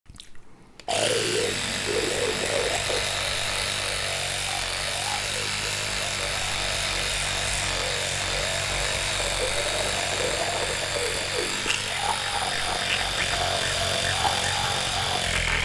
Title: Electric Toothbrush Teeth Brushing Sound | ASMR Dental Care White Noise